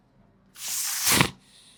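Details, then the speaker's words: Patient about 2.5 weeks after laryngectomy for vocal cord (voice box) cancer, previously treated with radiation, with a voice prosthesis, breathing through a neck stoma instead of the nose: a single airy, voiceless rush of breath with no voice. "Then you don't breathe from the nose, now you are breathing from here. सो आपकी breathing यहाँ है."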